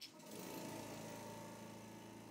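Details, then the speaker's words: Portable suction machine being troubleshooted with an empty canister and long tubing attached: steady motor whine and hum as it draws air out of the canister and tubing. "remember it has to suck all the air out of the canister as well as out of the tubing"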